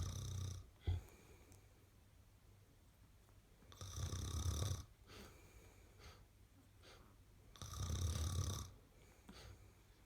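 Rhythmic, rattling snores about every four seconds, roughly 15 breaths a minute, with quiet pauses between.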